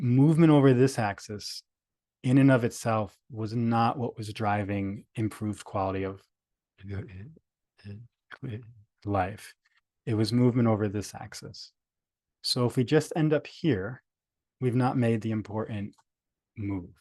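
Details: Adult male speaker; stuttering.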